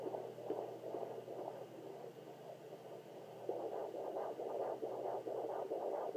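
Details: Fetal heartbeat on a Sonoline B fetal Doppler at 27 weeks 3 days of pregnancy; very active baby who kicks toward the end.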